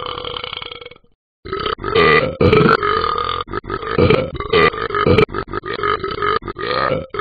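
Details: Game character voice (Talking Ben the Dog app): long run of loud, repeated burps with little pause; burping.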